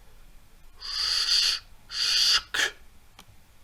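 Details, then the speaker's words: Vocal imitation of aortic stenosis sounds: two long hissing whooshes, then short sharp clicks mimicking the ejection click that may be present in aortic stenosis, with a soft S2. "ejection click uh may um may be present what is that like in during the it comes something like this like"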